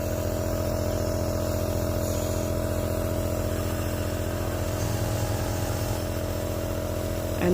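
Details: Child with a cough that won't clear getting a nebulizer treatment again: steady droning compressor hum throughout, no breathing or coughing heard.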